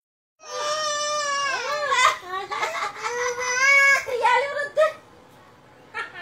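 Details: Adiba, a young child, crying for her uncle: sobbing, wailing bursts with catching breaths in a small room; ordinary emotional crying.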